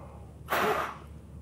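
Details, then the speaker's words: Adult male doctor giving one short, sharp, forceful blast into a peak flow meter after a deep breath in, a proper effort reading 700 litres per minute. "so we've got the same um uh peak flow meter from before and we're going to do nice deep breath in and shorten sharp blast"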